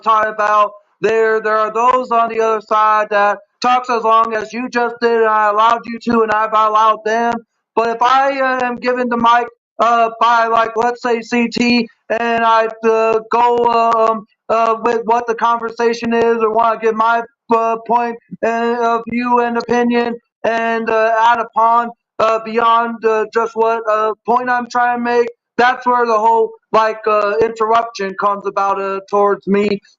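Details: Male speaker who says he has always stuttered; stuttering.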